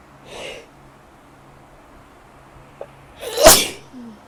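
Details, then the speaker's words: A soft sneeze followed by a louder, explosive sneeze with a sharp intake before it, in a spring allergy sneeze attack; sneezing. "I hate springs for this reason. Like, allergies. Really bad."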